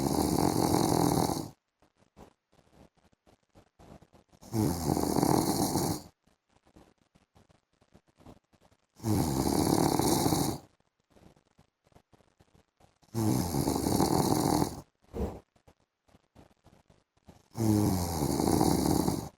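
Loud, coarse rattling snores on each inward breath, about 15 a minute, with quiet pauses between them. Ordinary snoring.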